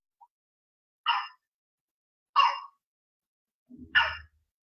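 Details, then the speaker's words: Baby's cough: three harsh, hoarse, dog-like bark coughs with quiet gaps between; barking cough, a worrying sign in a child, not usual in dry cough. "So this basically is a, sorry, this is a barking cough. Uh, this is a barking cough which is seen."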